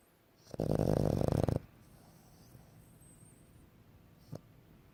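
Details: Pug sleeping and snoring: one loud, rattling, fluttering snore lasting about a second, then a brief snort.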